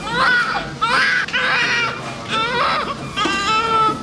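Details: Strong, high-pitched cries in repeated bursts with brief breaths between; vigorous first cry of a newborn baby boy in the first minute after birth, around umbilical cord cutting.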